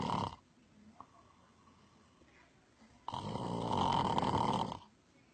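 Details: An animal gives a long, rough, droning snore after a quiet pause; ordinary animal snoring.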